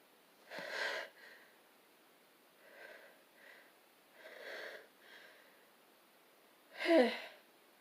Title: Sneezes attack